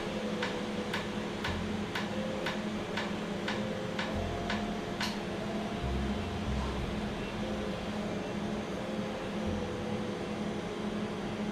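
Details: Real laser tattoo removal in a clinic after numbing, with air cooling. Sharp clicks about twice a second over a steady machine hum as the laser device fires pulses. Afterwards the treated skin is slightly raised and swollen.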